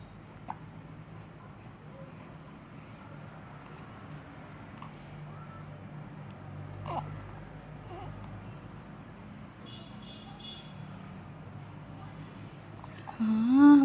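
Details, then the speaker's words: An infant girl gives soft, brief, catch-like hiccups at irregular intervals against low room hum; the hiccups keep going and won't stop. "को हिचकी आ रही है इतनी ज़ोर की।"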